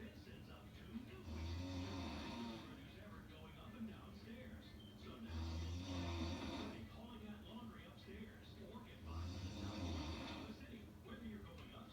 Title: Snoring So Loud and So Sexy